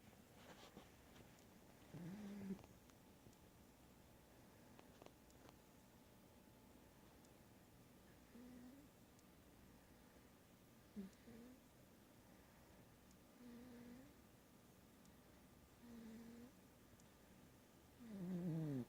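Soft, regular snoring noises recur about every 2.5 seconds, roughly 24 breaths a minute, in a quiet room; ordinary snoring.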